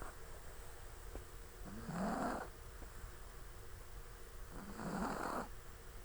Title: OUR SNORING CHIHUAHUA